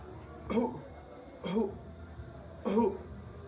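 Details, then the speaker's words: Simulated effective-cough technique by a nursing student: client crosses arms over the abdomen, takes two slow breaths, presses the abdomen, leans slightly forward, then gives three short deliberate coughs about a second apart to clear sputum. "Hai minta klien menekan perut dengan tangan dan sedikit mencondongkan tubuh ke depan Hai minta klien untuk batuk 2-3 kali hai hai"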